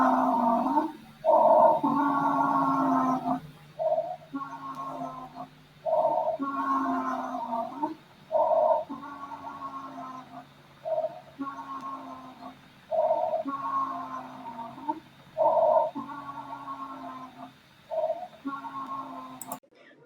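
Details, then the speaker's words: Wheezes in an animal: high-pitched, squeaky sounds from narrowed airways, heard most often during expiration. "estas son anormalidades y se caracterizan por ser ruidos chillones producidos por las vías respiratorias estrechas se escuchan con más frecuencia cuando el animal está expirando o alando"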